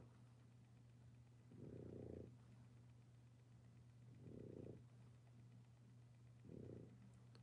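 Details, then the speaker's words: Boston Terrier born October 26, 2019, snoring faintly in the background during a livestream: three soft, low, rattling snores, about 24 a minute, over a steady hum. "It's a faint snore, but I mean, you guys might be able to hear it."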